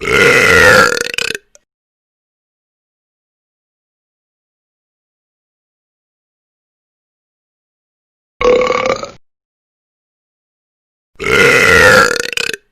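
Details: Sound-effect recording of burping: three loud, drawn-out burps separated by silence.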